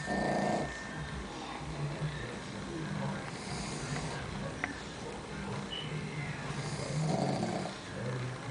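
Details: Low rumbling snoring with irregular snorting noises between breaths from a sleeping pet pug, a small flat-faced dog; snoring.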